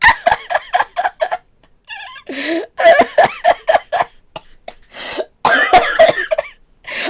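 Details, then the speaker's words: 22-year-old sick with voice gone hoarse: a run of repeated harsh coughs with hoarse voice and throat clearing between bursts; a coughing fit during illness. "Oh my god, the coughing. It does. I do. Oh, that's rough."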